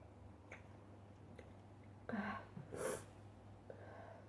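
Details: Sneezing compilation: a faint catch of breath, then a brief, quiet sneeze burst against low room hum.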